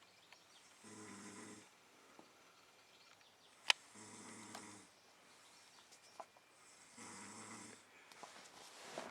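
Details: Snoring from a man passed out asleep in a hot hotel room around 5 a.m.: three slow, regular snores with a low, rattling buzz on each in-breath, quiet between, about 20 breaths a minute, with faint room noise.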